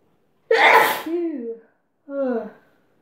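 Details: Adult sneezing after inhaling chhinkni snuff powder, which goes to the back of the throat and makes the nose run: one forceful explosive sneeze with a trailing voiced sound, then a brief exclamation.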